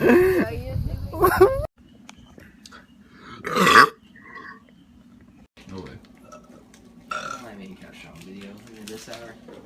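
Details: A compilation of men burping, with several loud, drawn-out burps, one deep and rumbling, cut together with brief talk and room noise between them.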